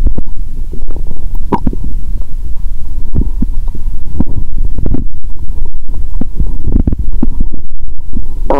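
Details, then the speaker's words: Stethoscope over a woman's upper stomach after drinking cola with Mentos. She feels full and has burped. A different, burp-like sound is heard from the upper stomach. Bowel sounds. "You can hear a different sound from the upper stomach 👂 ♪. Did anyone burp in my stomach now? 😂."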